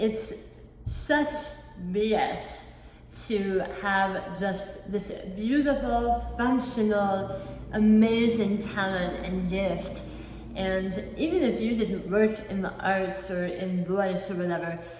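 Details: Adult woman, not born with a speech impediment, with lisp and imprecise articulation since a 2018 hemiglossectomy for large oral cancer at the back of the tongue; about 50% of the tongue was replaced by a cheek-tethered flap limiting movement; articulation disorder after partial tongue removal.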